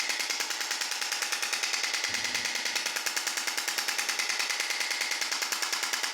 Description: This is the sound of the extracorporeal shock wave therapy (ESWT).